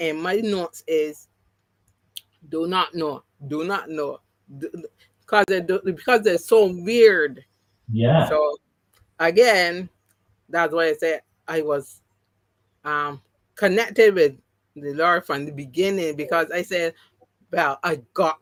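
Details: Adult woman after three strokes (2017, 2018, 2019), the first haemorrhagic, causing loss of speech and right-sided paralysis; speech regained, some words never returned; mild post-stroke aphasia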